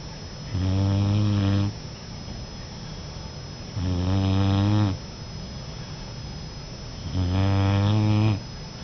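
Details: Boxer puppy snoring while napping: low, steady humming snores on each breath, about 18 a minute, over faint room hum; ordinary sleep snoring.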